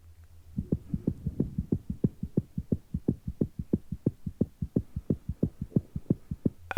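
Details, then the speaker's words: Normal heart sounds recorded from a cat: a fast, regular lub-dub with two clean heart sounds, about 180 beats a minute, and no murmur. "so for a couple of examples this is a recording of a normal heart it's actually quite fast and that's because it's a cat but it gives a little example of what a normal heart with its two sounds will sound"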